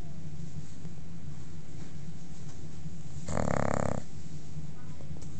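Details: Sleeping female bulldog snoring: steady, low, rumbling, snorting breath noise throughout, with a brief louder burst.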